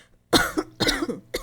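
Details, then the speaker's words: Cough demonstration by pharmacy students: three short, sharp acted coughs from an adult, loud and uncovered, in a small room. "Tahukah kamu penyebab batuk bisa terjadi karena infeksi seperti flu batuk pilet bronkitis serta pneumonia serta bisa terjadi juga karena alergi"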